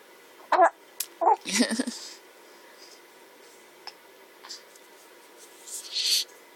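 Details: Sneezing: a quick sharp sneeze followed by a second burst, then quiet room sounds and a faint breathy noise.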